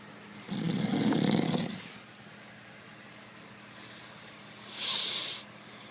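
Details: Snoring during sleep: a loud, rough snore on the in-breath, then a breathy out-breath a few seconds later.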